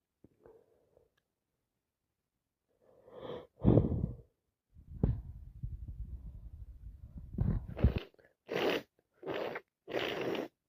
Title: can't stop sneezing